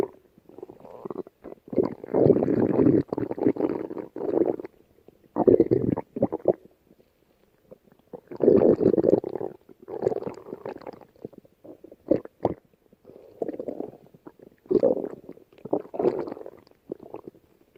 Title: Special Stomach Growl Video! (485 Subscriber Special)